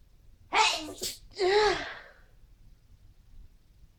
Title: sneezing and dusting